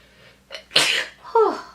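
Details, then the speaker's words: A short indrawn breath, then a single loud, explosive sneeze with a trailing voiced exhale; an ordinary sneeze from a person with really bad allergies, sneezing repeatedly while applying makeup. "Oh my goodness. Oh. I'm going to sneeze. myself and Hold on, I have to sneeze."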